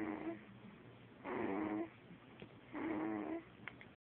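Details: Snoring in sleep like her father: soft, buzzing snores with each breath, about two in four seconds, separated by quiet exhalations.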